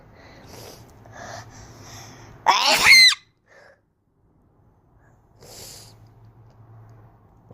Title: I have the wierdest sneeze